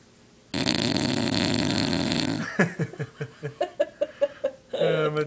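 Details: Overweight bulldog snoring while asleep, worn out after two weeks of hard play at boarding: a long rough rattling breath followed by a run of short snorting grunts.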